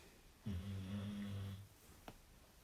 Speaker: if you can hear that snoring that's wake up